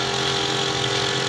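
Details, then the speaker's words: Loud, steady motor hum and rattle of a home electronic nebulizer compressor running normally, tested just after being repaired. "तो अब हम इसको चला कर check करते हैं कि और हो रही है यह नहीं हो रही है यह देखिए आपको आवाज आ रही है"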